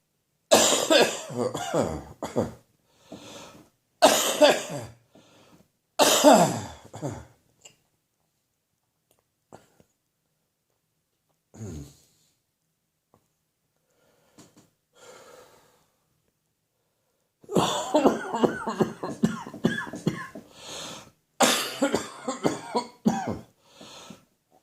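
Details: Morning coughing fit in a recovering person with catarrh that builds overnight and runs into the chest: clusters of harsh, repeated, loose, rattly productive coughs separated by quieter pauses with faint breaths.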